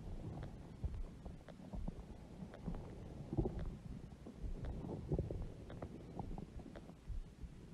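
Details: Stomach growling from a mother's huge belly: low, irregular, bubbly gurgling and rumbling; borborygmi.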